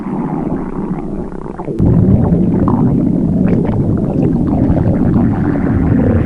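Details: Stomach growling (borborygmi) in the morning from hunger before breakfast.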